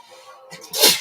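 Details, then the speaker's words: A single sneeze: brief catching inhalations, then one sharp, loud, hissing burst of air. ">> Did you hear that sneeze? That was one of the most famous sneezes of all time by a champion."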